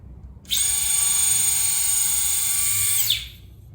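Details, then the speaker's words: Simulated keyhole rotator cuff repair demo by a shoulder specialist: high-pitched motor whine of about two and a half seconds as a drill bores a hole in bone through a guide held by the assistant; surgical bone drill. "so you hold that with the handle and we're going to drill a hole in the bone through here"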